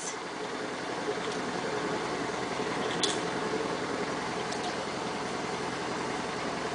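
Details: High-frequency chest wall oscillation airway clearance vest running on an 11-month-old: continuous rapid rumbling whir with faint room sounds.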